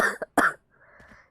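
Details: Two quick throaty coughs followed by faint breathing from a girl who says she has a cold and is coughing a lot, during a gaming stream.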